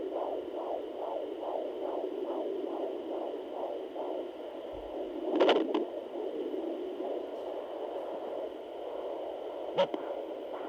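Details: Sonoline home fetal Doppler at 21 weeks pregnant, about 138 bpm at the doctor's office: rapid rhythmic whooshing pulses over a hiss, fading midway with bumps from probe movement; normal fetal heartbeat.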